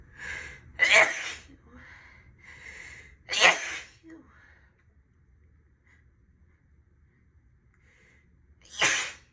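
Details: Sneezes from a female on a snow day; sneeze.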